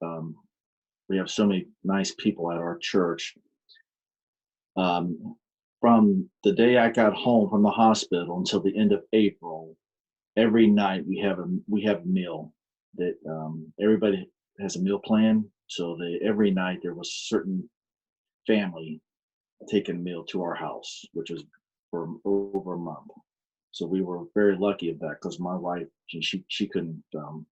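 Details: Adult man with aphasia following a stroke on March 22, 2019, which affected his speech; he still attends aphasia programs; aphasia.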